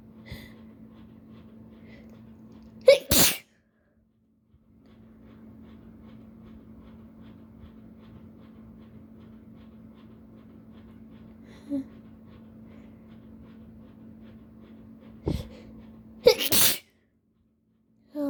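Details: Two loud, explosive sneezes, each after a short inward buildup, over a steady room hum, from an allergy sufferer whose nose tickles and burns after a newly opened substance; repeated sneezing, custom recording.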